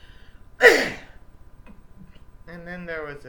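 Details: Male with diagnosed Tourette syndrome whose coughing recurs throughout his videos: one sudden, explosive, sneeze-like cough burst, then brief speech; a cough-like vocal tic of Tourette syndrome.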